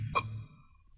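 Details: A single abrupt, voiced gulping hiccup with a sharp onset, over low broadcast hum, from a newsreader who got the hiccups live on air during a 1970s radio news bulletin.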